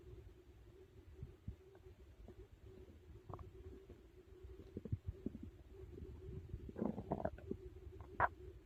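Low, quiet gurgling and rumbling with a few louder squelching bursts near the end; ordinary bowel sounds of digestion after a meal.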